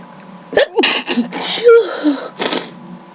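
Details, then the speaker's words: Several sharp sneezes in quick succession with short breaths between them, a spontaneous sneezing fit from a tickling, full nose, with no allergies present. "I felt this random sneezing fit coming along, so I decided to record it. My nose just tickles a lot, so so I'm sneezing."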